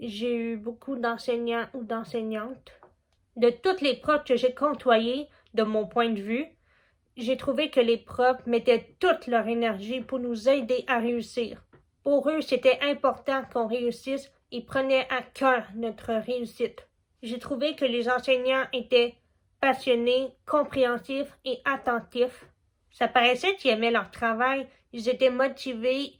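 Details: Young woman deaf since childhood from a genetic condition, still hard of hearing with her cochlear implant; learned spoken French from age 4 at a specialised school and had speech therapy from age 2½ to 12. Speech of a deaf cochlear implant user.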